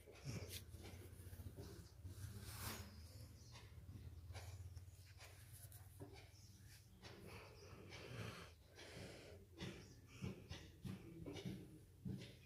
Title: My Dog Ramdas😅 Snoring like human😅🐕🐕